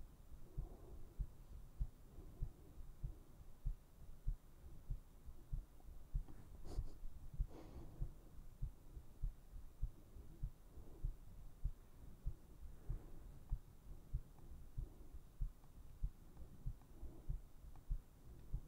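Steady low thumping heartbeat at about 97 beats a minute, with a faint hum and some breathy background noise.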